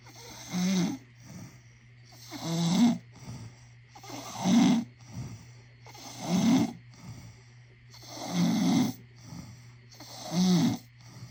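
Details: Loud, rhythmic rattling snores on each breath, about 32 a minute, over a steady low room hum, recorded as a prank; snoring.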